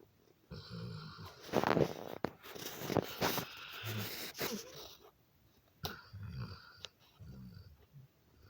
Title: funny snoring dog